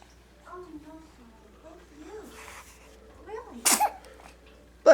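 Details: A single loud burst sneeze after soft speech, in a dramatized office scene; a plain sneeze followed by "bless you".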